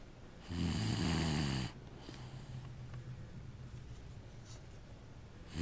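One loud, low, buzzing snore on an in-breath, then quieter breathing with room noise. Snoring.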